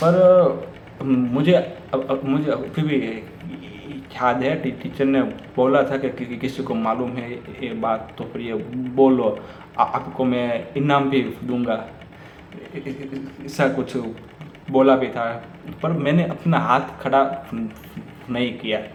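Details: Hindi speech from a male presenter with his own real stammer, which he says worsens with overthinking before speaking; stuttering.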